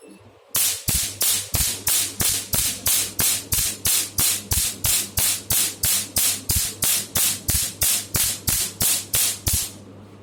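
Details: Pico laser firing on a hammer test target while spot size is increased (4 to 7) at higher power; steady sharp snapping pulses about three per second.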